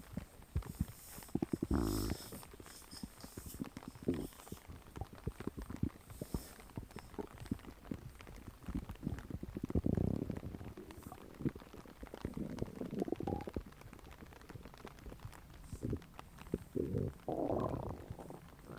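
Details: Low, irregular gurgling and rumbling bursts with soft crackly noise between them: ordinary stomach growling (borborygmi).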